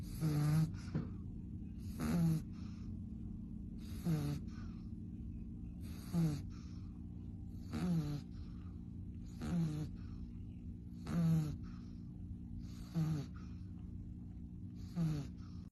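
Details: Pug (tagged puppy) asleep with tongue out: regular low snoring with a snort on each breath, about 8 breaths a minute, over a steady room hum; snoring.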